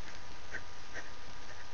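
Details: 19-year-old with adult-onset tic disorder (Tourette's) that began at age 18: two brief, sharp, sniff-like vocal noises over a steady low room hum, a simple vocal tic.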